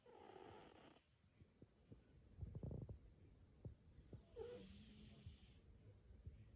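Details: Two slow, noisy breaths with low, rattling snorts and a brief whistling squeak between them, from a sleeping pet, probably a cat: soft snoring.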